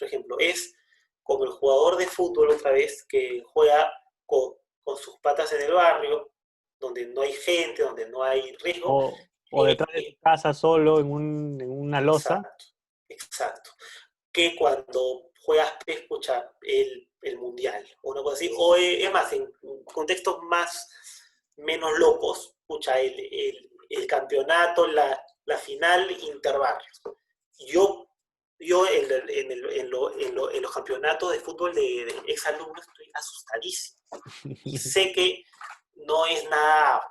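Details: Adult who describes himself as a person who stutters, speaking Spanish in a conversation about using pauses in his stuttering; stuttering.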